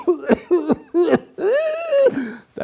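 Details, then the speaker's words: Simulated pertussis: an adult imitates a child's whooping cough paroxysm, with three quick forced coughs and then a long, high-pitched, crowing inspiratory whoop. "Whoop is a special kind of sound which can be easily recognized if present, and that sound usually comes after a bout of cough. The child coughs something like this."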